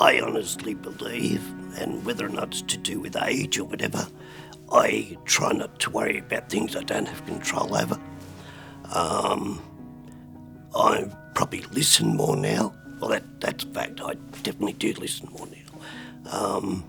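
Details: Adult man with spasmodic dysphonia, recorded at the peak of his botox treatment, given every few months, last injection about a month ago; he says his voice is spasmodic at times and often not understood: spasmodic dysphonia.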